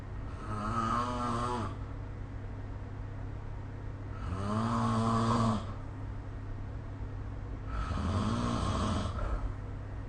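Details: Three loud, rattling, pitched snores on breaths about every four seconds over steady low room hum, ordinary snoring recorded with the SnoreLab smartphone app.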